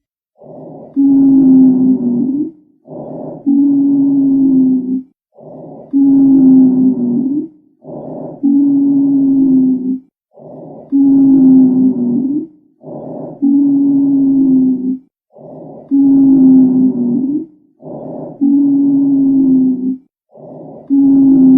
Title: Lung Sound : Wheezing